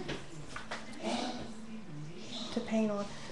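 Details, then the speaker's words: Very old dog wheezing in a quiet room, making thin, whistling, whine-like breath sounds; wheezing. "that's my dog I don't know if you guys can hear the dog he's wheezing he's really old"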